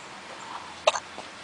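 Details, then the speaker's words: Infant in a bouncer with hiccups: a single sharp, brief hiccup over quiet room noise. "Are you smiling? Are you smiling? You got the hiccups?"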